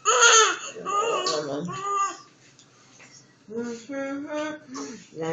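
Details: A distressed baby boy cries in loud wailing bursts with brief pauses, then in shorter sobbing cries. A caregiver remarks that it must really hurt.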